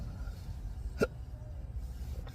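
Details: Person in their 60s with intractable hiccups since 2015, at least 12 hours daily and worsening, with esophageal squeezing: one sharp, abrupt hiccup over low background rumble.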